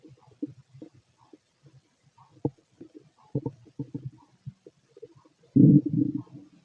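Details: Fit adult male, stethoscope over the belly while digesting pastry, chicken, curry, bread, milk, eggs and pasta: irregular gurgles and rumbles ending in a louder gurgling burst; normal bowel sounds.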